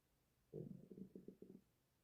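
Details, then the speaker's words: Bowel sounds (borborygmi) of an adult with Crohn's disease, recurring every 5–10 seconds; a brief low gurgling rumble with a few bubbling pulses rising out of quiet room hiss. "Did you hear that one? It it'll do it like every 5 10 seconds. I used to sit in class, like I said, because I have Crohn's disease."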